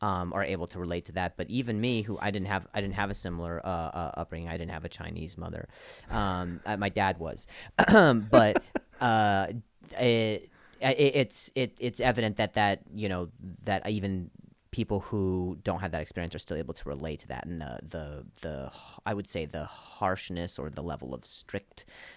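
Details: Adult male comedian whose stutter began after an injury and has improved greatly since; part-word and whole-word repetitions; stuttering.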